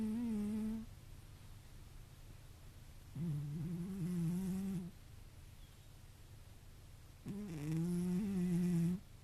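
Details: Elderly cat (tortoiseshell/brown tabby tags) sleeping deeply by a window: slow, steady humming snores about four breaths a minute, each long and tonal, over quiet room hiss; snoring in deep sleep.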